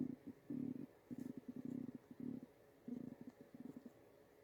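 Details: Stomach growling from a woman: low, bubbling, gurgling rumbles in irregular bursts; ordinary borborygmi, a normal sound of gas and fluid moving through the gut.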